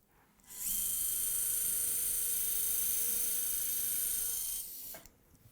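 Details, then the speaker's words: Late single dental implant placement (Conelog Progressive-Line, submerged healing): the first 3.3 mm form drill runs after a pilot drill with a 13 mm depth stop, giving a steady high-pitched motor whine for about four seconds. "the pilot drill with 13 millimeter depth stop the first form drill with 3.3 millimeter in diameter"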